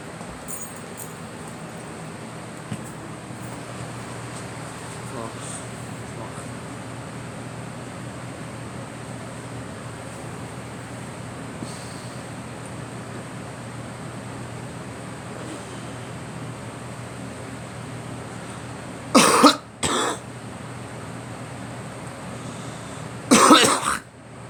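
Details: A person coughing: three short, harsh coughs, two close together then one more, after a long stretch of steady background hum.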